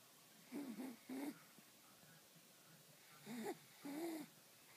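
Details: Sleeping Pomeranian dog: short, whistling, wheezy snores in pairs in a quiet room; snoring.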